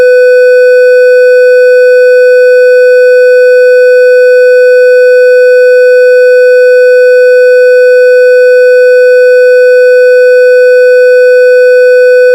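Simulated monitor gives a single unbroken steady tone, the flatline alarm of cardiac arrest with asystole.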